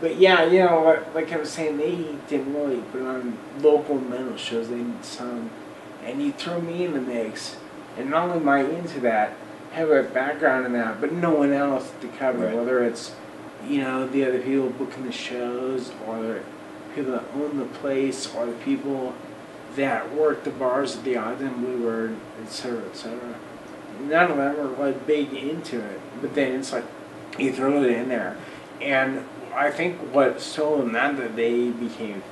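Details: Adult man with Friedreich's ataxia, a recessively inherited, progressive, degenerative neuromuscular disease diagnosed around age 9 to 10; uses a wheelchair; ataxic dysarthria.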